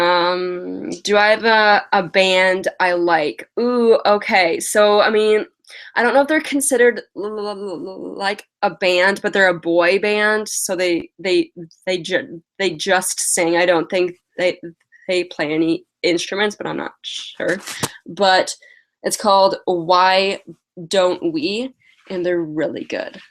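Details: Lifelong stuttering in an adult woman with past speech therapy, mostly blocks, especially on vowel-initial words and on 't' and 'c'; she has a cold and is tired; uses prolonging words and slow speech.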